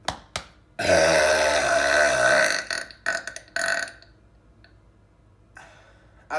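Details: Burping after drinking soda: a long, loud voiced belch lasting about two seconds, followed by a few shorter burps, in a quiet room.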